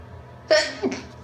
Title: Induced sneezes (F)